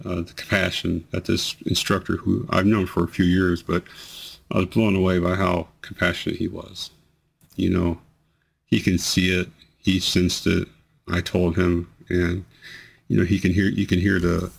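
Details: Man with multiple system atrophy reports amplified, unceasing tremors that worsen with activity and emotion and affect his voice, plus bladder problems; voice tremor.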